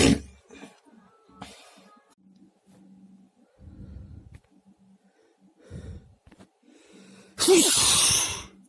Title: Varied sneezes 🤧